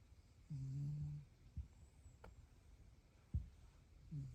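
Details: A tabby cat snores softly after a meal, with low buzzing snores on each breath separated by short quiet snuffles, in a quiet room.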